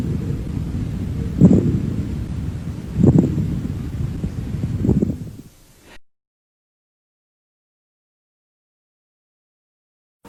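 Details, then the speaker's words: Pleural friction rub: superficial, crackling or harsh low creaking chest sounds with grating bursts, heard in both inspiration and expiration, localized to zones of maximal expansion (anteroinferior and lateral chest). "el roce pleural sonidos superficiales crujientes o ásperos que se escuchan tanto en la inspiración como en la respiración"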